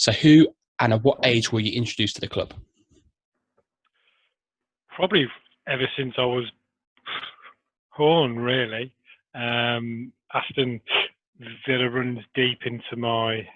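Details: Adult man who has stammered since early childhood, with major blocks through school; he still has blocks and repetitions despite Starfish Project technique; stuttering.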